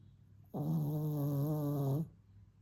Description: Pampered Pooch Snoring Like A Geezer!!